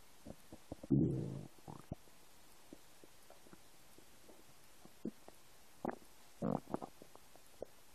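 Low gurgles and brief bubbling squeaks from an empty stomach, ordinary bowel sounds of stomach rumbling.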